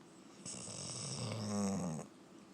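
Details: Dog asleep: single drawn-out, vibrating breath with a humming rattle, about a second and a half; snoring.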